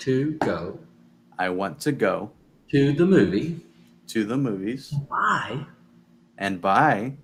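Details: Adult male speaker; aphasia.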